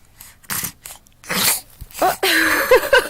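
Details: Morning sneeze just after waking: a sharp, explosive sneeze amid soft rustling, followed by a voiced sound, in a small room.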